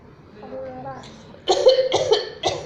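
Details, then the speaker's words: A young child playfully imitates the mother's coughing: a brief voiced sound, then three forceful cough bursts, not a real cough. "खांसी हो रही थी मुझे। खांसी हो रही है मुझे।"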